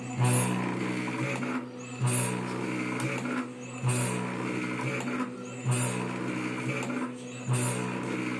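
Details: Automated low-cost motorized Ambu bag compressor used as a mechanical ventilator for a few hours during the Covid-19 outbreak: steady motor hum with a regular mechanical stroke about 32 times a minute.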